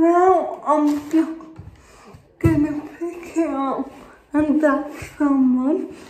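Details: Dysarthric speech in an adult woman with cerebral palsy.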